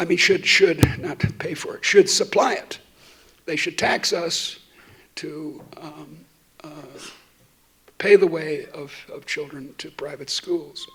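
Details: Adult woman who states she stutters, speaking while she has a terrible cold; repetitions heard; stuttering.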